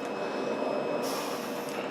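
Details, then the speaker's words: Home mechanical ventilator running continuously for an adult woman who earlier used BiPAP after choking; steady mechanical hum with thin high-pitched whining tones. "you can probably hear it humming and whining in the background because everything else is pretty white it is a moment the only thing I can hear is with them so if you're wondering what that high-pitched whining all that is that's wh"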